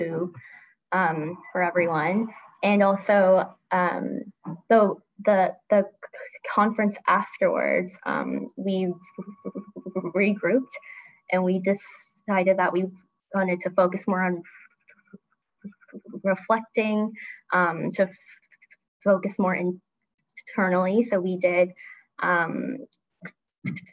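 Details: Adult woman who stutters and grew up covert about it, with part-word repetition; stuttering.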